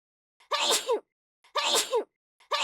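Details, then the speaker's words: Two full sneezes and the start of a third, each a sharp intake followed by a forceful explosive burst: ordinary sneezing. "Research suggests that the air released by sneezing can reach speeds of up to around 160 km per hour and can travel many meters. A sneeze can spread thousands of small droplets around it."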